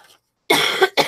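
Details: Cough from an adult recovering from an illness, still coughing with a runny nose on the first day of feeling better: a dry cough.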